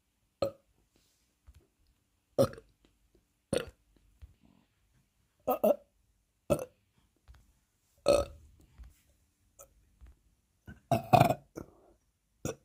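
About ten deep, throaty belches in a quiet room, some in quick pairs: repeated burping, releasing swallowed gas from the stomach.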